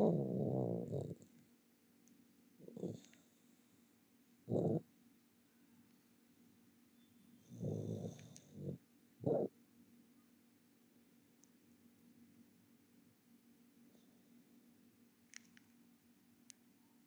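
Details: Sleeping pet: irregular short snorting snores, some in quick pairs, with long quiet gaps between; snoring.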